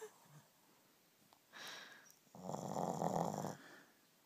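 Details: Sleeping Shih Tzu dog: a short hissing breath, then a rough, fluttering snore on the next breath; snoring.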